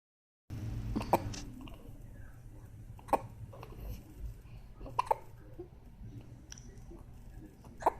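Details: Five short, sharp hiccup sounds at irregular intervals over eight seconds against low background hum; ordinary hiccups.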